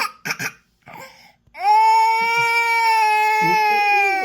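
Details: Toddler upset because she wants to play outside but it's raining: a few short fussy sounds, then one long, steady, high-pitched wail of ordinary crying.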